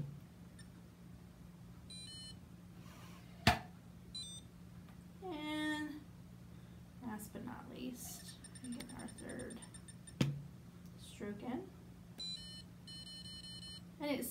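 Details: Short electronic beeps with clicks and faint handling noise in a quiet room: a Vitalograph Micro spirometer signalling during its daily calibration volume check with a 3-liter syringe.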